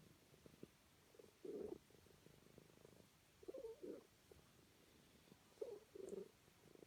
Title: snoring